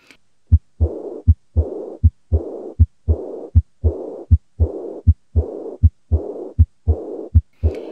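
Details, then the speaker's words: Regular heartbeat near 79 per minute with a blowing murmur filling diastole after each second sound, stethoscope diaphragm at the second right intercostal space, patient sitting upright leaning forward; aortic regurgitation murmur. "Aortic regurgitation characteristically is described as a high-pitched blowing murmur with a possible early ejection click."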